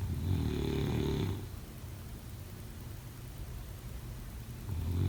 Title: Snoring sound 03/09/2025